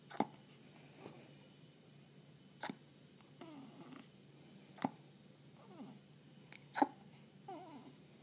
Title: hiccups